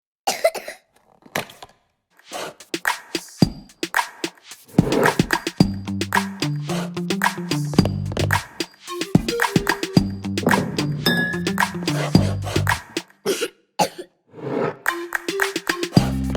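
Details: Advertisement: several acted, phlegmy child coughs, then upbeat music over further coughs; wet, productive cough.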